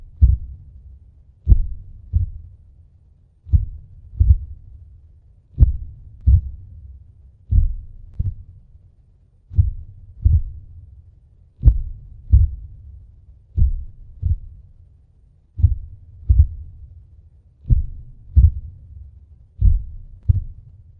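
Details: Sound-effect vampire heartbeat: deep, slow paired thumps repeating at about 30 beats a minute, much slower than a normal resting rate.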